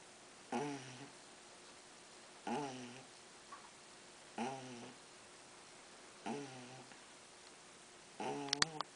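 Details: Pug puppy lying on her back, sound asleep, snoring: regular short snorting buzzes on each breath in, about 31 a minute, quiet between breaths.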